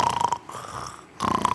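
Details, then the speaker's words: Snoring imitated to illustrate sleep apnea, where breathing is suffocated during snoring, in contrast to normal snoring. "sleep AP is when literally you start to suffocate when you're snoring it sort of sounds like this instead of"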